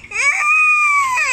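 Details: Crying baby who calls "mama": a single loud, high-pitched, sustained wail; ordinary infant cry.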